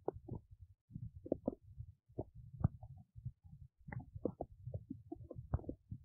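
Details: Belly sounds while digesting oats: soft intermittent gurgles, pops and low rumbles; ordinary bowel sounds.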